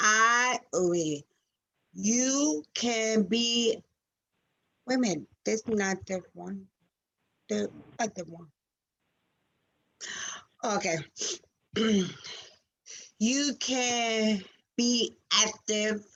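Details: Real aphasia in a 47-year-old woman after a stroke on February 19, 2019, with sudden loss of speech at onset; recorded June 2021; finding: aphasia after stroke.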